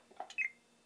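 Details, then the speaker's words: Brief, high electronic cue from a Florida Probe computerized periodontal probe in plaque mode, confirming plaque recorded at the distal buccal site of tooth 4 (foot pedal held) during a mock patient exam. "hold and listen for plaque plaque again"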